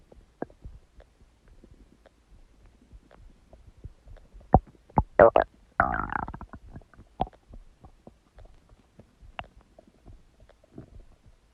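Irregular gurgling and squelching bowel sounds with a loud central burst, typical stomach rumbling from gas and fluid moving through the gut.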